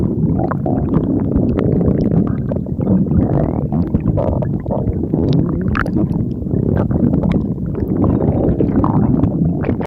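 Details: Stomach growling (borborygmi): continuous low, bubbling rumbles and gurgles with no pause.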